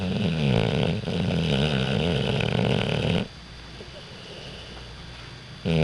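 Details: 6-month-old Pit Bull asleep on owner's lap after a morning walk; long, loud, rough, rattling snores on each breath with quieter pauses between; heavy snoring.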